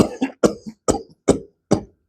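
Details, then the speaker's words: Imitated paroxysmal cough of whooping cough, a bacterial infection: a rapid run of about six short coughs without pause. "During inhalation, when the patient is finding it difficult to difficult to take air in, that is the classical whoop uh seen in whooping cough. That whooping cough is caused by a very specific bacteria."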